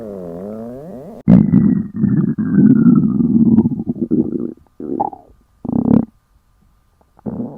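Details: Stomach growling from hunger, staged for entertainment, three girls in an elevator: long, loud, low gurgling growls with falling pitch sweep, then shorter rumbles.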